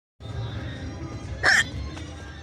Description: went to the bar last night . here is a video of the hiccups after drinking. !